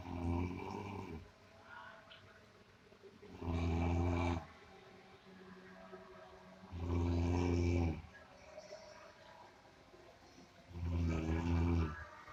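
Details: A sleeper snoring, likened to the sound of a buffalo: loud, deep, rattling snores on each in-breath, about 16 a minute, with quiet breathing between; heavy snoring.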